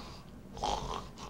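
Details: Brief, soft imitated snort-like snore, quieter with the lower jaw pushed forward, demonstrated in a dental office consult on snoring and sleep apnea.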